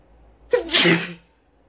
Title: Loud sneezes